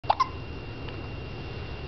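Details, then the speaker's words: 7-week-old infant girl with hiccups: a single brief, sharp hiccup sound at the start, then quiet room noise; hiccups. "She has the hiccups right now."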